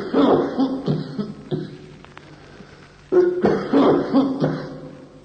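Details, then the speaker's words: Two bouts of harsh, dry, hacking, unproductive coughs with no mucus rattle: irritative, insistent dry bronchial cough in bronchial carcinoma, from a medical teaching recording. "Come primo esempio, una tosse irritativa, bronchiale, insistente, secca, nel carcinoma bronchiale."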